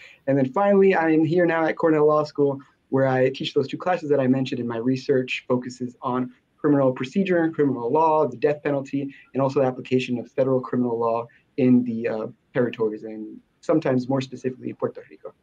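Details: Adult speaker; normal speech.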